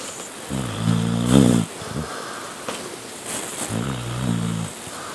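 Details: Male snoring nightly while asleep on the couch or in bed: two low, rumbling snores with a rough, fluttering quality, separated by a quieter breath, with outdoor-sounding background noise.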